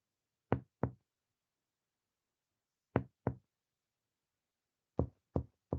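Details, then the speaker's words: Chest percussion down the midclavicular line from the second intercostal space. Taps sound resonant over lung, then slightly dull (submatidez) where lung overlaps the upper liver border, which is normal. Deep held breath restores resonance. "Acá encontramos submatidez. Se da por la superposición del parénquima pulmonar con la matidez hepática."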